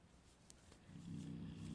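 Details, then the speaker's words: Dog snoring in the background during crocheting: a low, rough rumbling rises midway through a quiet room and holds steady. "Je ne sais pas si vous allez entendre le ronflement de mon chien, mais en tout cas, je vous préviens au cas où."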